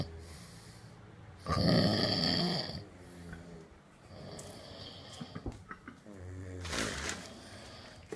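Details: A loud, rattling snore on an inward breath, then quieter breathing with a few snorts and a second snore, with room noise. Recorded on an iPhone after a hard night out in Tel Aviv, March 2015.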